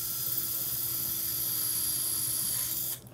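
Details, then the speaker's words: Powered reamer with a notch marking depth drills through hard sacroiliac bone in a transiliac transsacral pelvic fixation with CurvaFix Low Profile implant, giving a steady high-pitched motor whine with grinding hiss, then stops; bone reamer in use. "Take the reamer. Remember the reamer has a notch on it to determine when and how deep you need to go with it."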